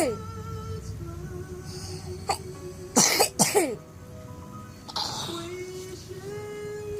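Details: Hard cough in an individual who has been coughing for five days; cough.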